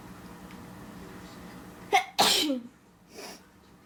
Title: Induced Sneezing #1